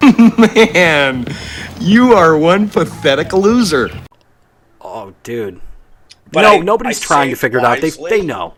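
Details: Adult male speech, possibly two speakers; normal speech.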